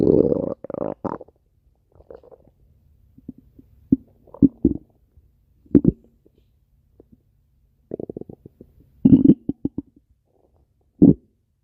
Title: stomach growling